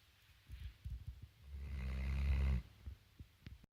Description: It's a tough life being a Spinone Italiano. Here's Ripley, sawing logs.